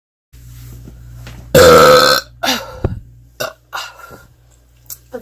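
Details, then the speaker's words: One loud, long, rumbling burp, done playfully for the camera, followed by soft laughter and breathy sounds; burping. "you ever wondered what it's like to burp in an alien's face? Well, today's your lucky day."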